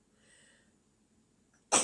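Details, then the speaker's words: Adult woman on a live stream, half-asleep just after waking, who says she has rhinitis: faint quiet breathing, then one sharp, explosive sneeze at the end. "失礼しましたインシュロックさんフォローありがとうございます。はじめまして。割と寝起き、もうメイクはしてますけど、もう寝起き状態でもう半寝でやってたごめん、くしゃみしちゃったごめん冬くん冬くんフォローしてくれたんけどねえ、冬くんもフォローありがとう。"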